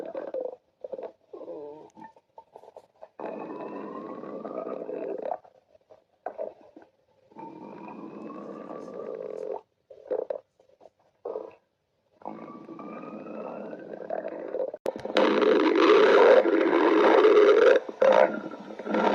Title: stomach growling